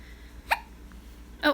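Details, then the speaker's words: Grumpy baby girl giving two short, sharp hiccups about a second apart over quiet room noise; hiccups. "hiccups make me angry huh yeah you get angry when you have the hiccups"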